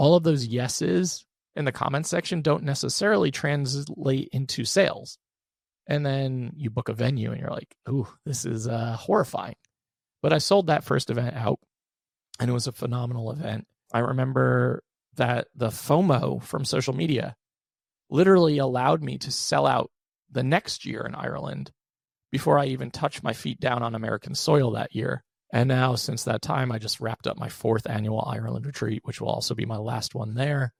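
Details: Adult male with one vocal cord paralysed by open throat surgery for a rare chronic recurring throat condition, after endoscopic surgery in 2021 and recurrence within 4 months; voice improved but still vocal fry, tires daily; finding: unilateral vocal cord paralysis.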